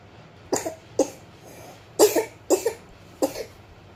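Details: Infant on day 2 of illness coughing on waking: five short, wet, loose, phlegmy coughs in a quiet room, with phlegm brought up; cough expected to last 4-5 more days to a week; productive cough.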